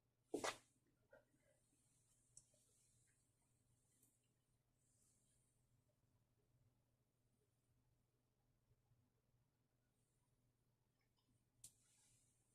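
One loud sharp sneeze burst near the start, then a quiet room with faint rustling and a small second burst near the end.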